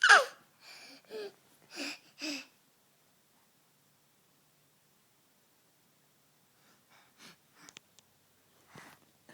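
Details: Young boy sneezing; parent hopes he is not getting sick with the change of season: a loud sneeze followed by a few short breathy sounds.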